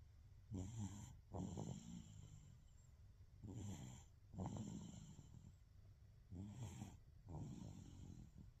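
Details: Baby snoring in sleep: regular noisy breathing with rattly snores on in- and out-breaths, about 20 breaths a minute; ordinary snoring.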